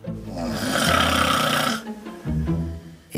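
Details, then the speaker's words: Loud, rough, rattling inhalation snore followed by a shorter, softer breath, from a 66-year-old woman whose heavy snoring troubles her new relationship; snoring. "There's only one bit about you I don't like. Yeah. And she goes, what's that? I go, the snoring."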